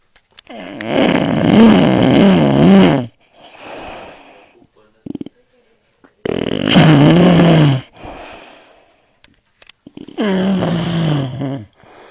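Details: Man snoring: loud, rough, rattling snores on each breath in, with quieter breaths out between them, about 12 breaths a minute; heavy snoring.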